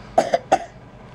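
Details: Cough from a young child, an older brother holding his newborn sibling: three short, sharp cough bursts in a quiet room, an ordinary cough.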